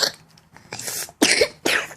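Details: A young child who has been coughing lately gives a short run of about four rough, deep coughs in a quiet room; the cough seems mild but sounds deep.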